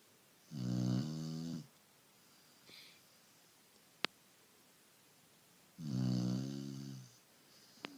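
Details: Dog snoring: two clear, tonal, buzzing snores on inhalation about five seconds apart, roughly 11 breaths a minute, with faint clicks between.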